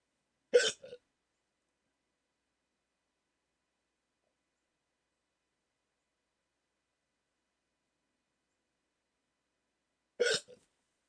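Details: Adult with sleep apnea waking from sleep with CPAP mask, during a 14-minute bout of hiccups: two sharp, brief hiccups about ten seconds apart with silence between; hiccups.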